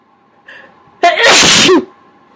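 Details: Sneeze deliberately triggered with a q-tip (cotton swab): a short intake of breath, then one loud, explosive sneeze over a faint background hum; sneezing.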